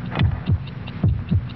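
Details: Human heartbeat in an old headache-remedy commercial, 72 beats in 60 seconds: deep, regular paired thumps, about 72 a minute, with a faint background hum; normal heartbeat.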